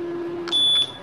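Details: Chinese syringe pump being set up and demonstrated, with its power, start, stop, bolus, mode and alarm buttons shown: a brief high electronic beep over a low hum; syringe pump alarm tone.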